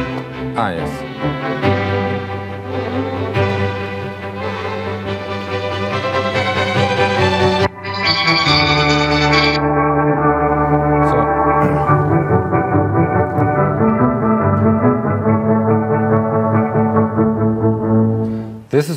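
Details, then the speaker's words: Instrumental music switched between full, bright sound and a dull, muffled version missing high tones, simulating a high-frequency sloping hearing loss that would need a hearing aid, in hearing aid research software. "what it sounds like with hearing loss activated and I can now deactivate it [Music] again and activate and [Music] deactivate so with some has a hearing loss like this he needs a hearing aid"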